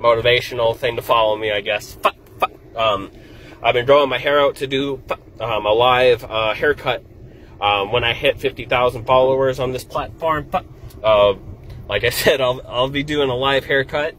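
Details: Adult male stand-up comedian with Tourette syndrome, speaking in a vlog; Tourette syndrome (vocal tics).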